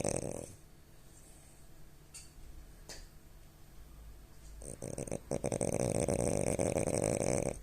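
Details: Sleeping French bulldog snoring: rattling, fluttering snore sounds at the start, building toward the end, with quieter breathing between; snoring.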